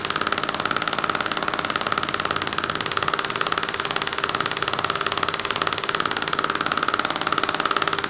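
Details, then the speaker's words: Radial shockwave (Storz MP100) to the sides of the posteromedial tibia, off the bone, aiming for 1000 impulses to desensitise muscles; 23-year-old female runner, 4-month shin pain. Steady rapid mechanical tapping, about three pulses a second. "so let's start with radial shockwave which we're going to look into so i won't be going on the bone but mainly working on the sides here of aiming for at least 1000 impulses"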